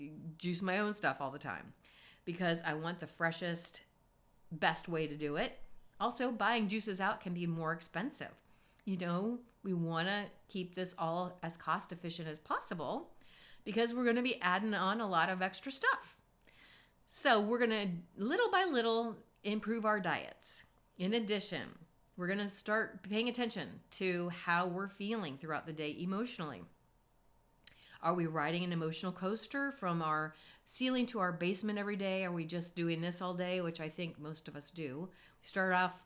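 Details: Adult woman speaking; normal adult voice.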